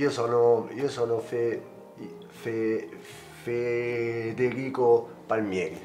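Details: Acted scene by a stuttering theatre group: an Italian-speaking man who stutters plays a student at an oral exam, introducing himself with music in the background; stuttering.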